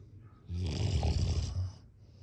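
A single deep, rumbling snore lasting about a second on the in-breath, low and rattling, against a quiet background.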